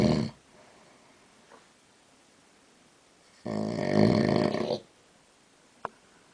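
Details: Adult man (husband) snoring at night while asleep, recorded in the dark: one loud, rough rattling snore on the breath in after a long quiet pause, with the end of an earlier snore and a faint click; snoring.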